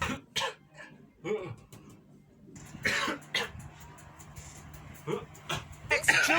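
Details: Coughing described as coughing one's lungs out: several harsh, forceful cough bursts with throat clearing, over faint background music and room noise.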